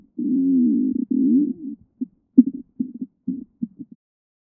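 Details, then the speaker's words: Borborygmus heard with a stethoscope during an abdominal assessment: a long, low rumbling growl followed by short gurgles. Stomach growling, normal when hungry. "Stomach growling or borborygmus is normal if you're hungry."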